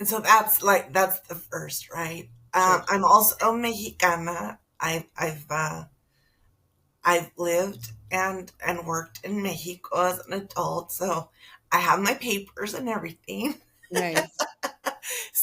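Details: Adult woman, a public school teacher, with spasmodic dysphonia she attributes to stress, beginning in her first year of teaching and taking two years to diagnose; treated with Botox every three months, now at the end of the cycle; spasmodic dysphonia.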